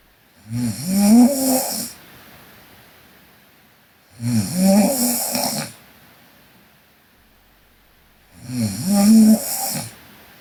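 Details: Korean girl snoring while asleep: three regular, rattling inspiratory snores, about 17 breaths per minute, with quiet exhalations between; sleep snoring.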